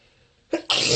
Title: Harsh bronchitis sneezes